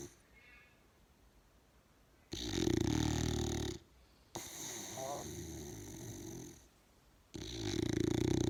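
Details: Snoring from a big bull: loud rough rattling snores on each breath, about three in eight seconds, with quiet gaps between.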